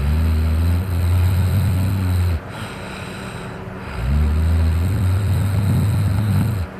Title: Me Drunk snoring